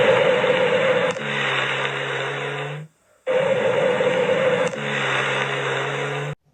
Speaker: Los roncos sonidos graves y continuos, similares a un ronquido. Generalmente se originan por la acumulación de secreciones o por obstrucción parcial de los bronquios.